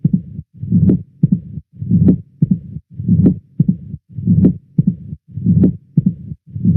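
Slow regular heartbeat, about 50 a minute: loud sharp first sound, second sound and opening snap, then a low diastolic rumble building before each beat, the Duroziez rhythm of mitral stenosis.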